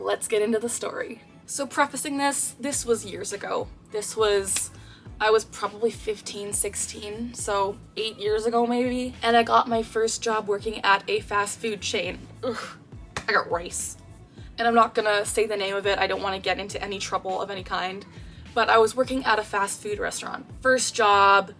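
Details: Tourette syndrome with vocal tics in a real 24-year-old woman, diagnosed at age 12, with co-occurring anxiety disorder, treated with guanfacine, fluphenazine and pimozide.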